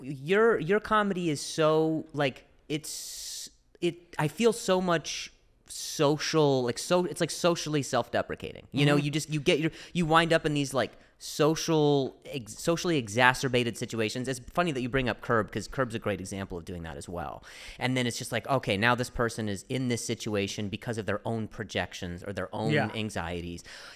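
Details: Adult male comedian who stutters, real, speaking in conversation with word and phrase repetitions. Finding: stuttering.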